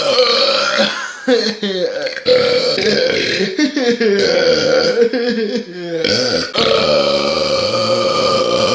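Long, loud, continuous rumbling belches, several strung together; burping.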